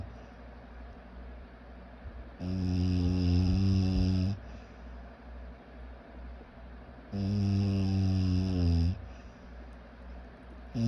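Two long, loud, rattling snores on the in-breath with quiet out-breaths between, about 13 breaths a minute; snoring.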